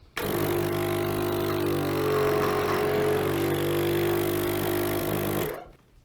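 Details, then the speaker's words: Gray suction machine for oral suctioning switched on to test it by suctioning water: loud steady motor hum with droning whine starting abruptly, running about five seconds, then cutting off. "turn on the suction machine and then you can suction some water to test it"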